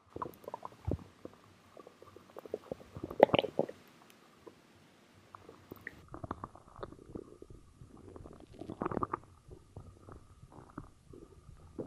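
Irregular gurgles, squelches and bubbling rumbles from the belly; ordinary stomach growling.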